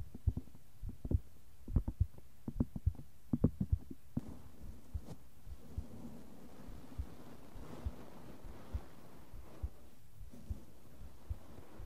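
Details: Normal heartbeat recorded for ASMR: soft regular thumping at about 70 a minute, with brushing and tapping noises in the background.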